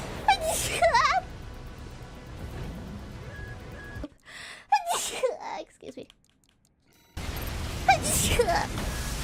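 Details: A run of small, high-pitched sneezes with quick gasping breaths between them over background music; streamer sneezing during a livestream.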